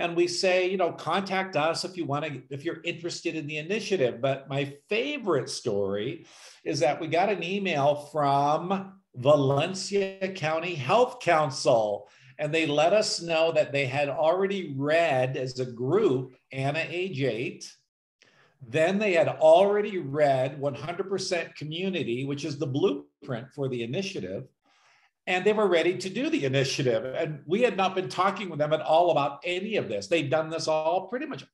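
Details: Adult speaker; normal speech.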